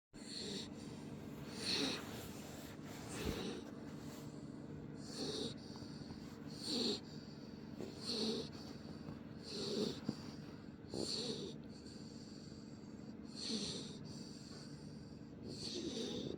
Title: Shadow snoring #pitpuppy #puppy #dogs